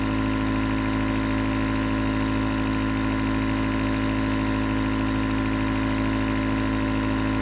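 Steady loud mechanical hum and rattle of a compressor motor running continuously; a nebulizer in operation.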